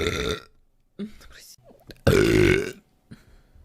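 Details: Woman streaming burps in the morning after drinking only water and not yet eating: two loud, drawn-out voiced belches with brief quiet noises between; repeated burping.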